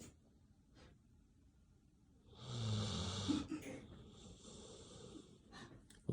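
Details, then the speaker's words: Soft, noisy rasping breaths of a sleeping dog entering REM sleep; ordinary dog snoring. "Relaxing sounds of sleep. Doggy snoring is sleep inducing."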